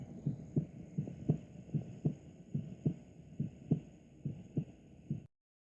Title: Ruidos Cardiacos